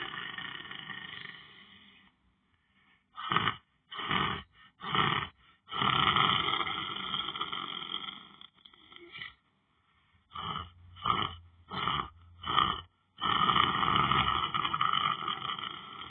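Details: Person lying down on the floor sleeping and snoring: loud, rough, irregular snorting sounds with short bursts and longer rattling breaths.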